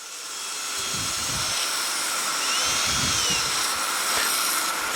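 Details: Surgical bone drill used with liberal water irrigation to open the facial recess and enter the middle ear after cortical mastoidectomy in cochlear implant surgery: steady high-pitched whine with intermittent grinding contact sounds.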